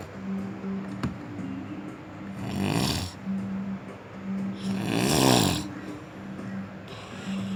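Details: A person snoring in a hotel bed in the mountains: two long, harsh, rumbling snores over a steady background hum and faint music; heavy snoring.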